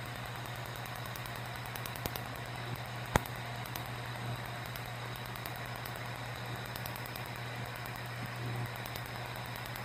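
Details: Faint rapid clicks and occasional sharp snaps over a steady low hum from a Q-switched laser during a first tattoo removal treatment on skin type 4, skin pre-cooled; adult man reports very little pain.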